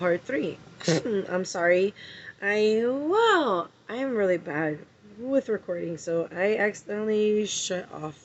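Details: Person with Tourette syndrome having tics while recording; vocal tics (Tourette syndrome).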